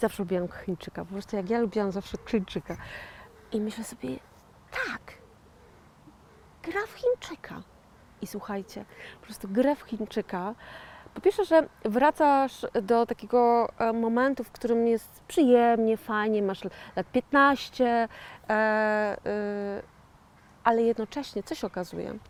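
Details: 41-year-old woman with post-stroke aphasia following a 2009 stroke, with word-finding difficulty; aphasia.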